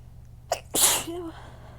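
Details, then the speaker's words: One strong sneeze, a short in-breath then a forceful explosive sneeze with a brief voiced tail, during a sneezing fit that burns the throat. The pollen count is low and the person assumes it is the autumn weather change. "Ow. I'm gonna have to start stifling after this because they hurt my throat too bad."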